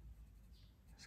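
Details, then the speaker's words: An adult's empty stomach rumbling before breakfast from hunger: a low, soft gurgling with faint pencil scratching from colouring. "and that was my stomach you might hear that it's asking for breakfast says feed me feed me i'm hungry"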